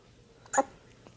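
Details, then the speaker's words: Hiccup in a 1-day-old newborn baby: a single brief, sharp hiccup against a quiet background. "Baby hiccups. Baby hiccups. Oh,"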